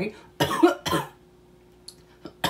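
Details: Adult woman with current illness symptoms in March 2020, facing possible two-week quarantine: two quick, loud coughs, followed by quiet room sound.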